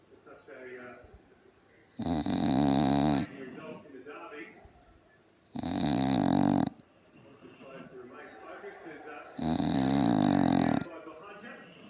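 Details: Sleeping pug dog snoring "like an old man": three loud, rough snoring bursts about every four seconds, roughly 15 a minute, with a television talking in the background.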